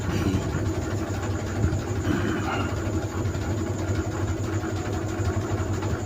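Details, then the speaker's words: A portable battery- or power-bank-powered compressor nebulizer, used by an adult for asthma, runs with a steady low rumbling hum while producing visible mist. "Lakas po usok oh. Makikita niyo po yung usok."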